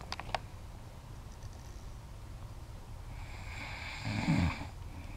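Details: A few soft clicks, then one low rattling snore on an in-breath from a sleeping woman over faint room hiss; snoring.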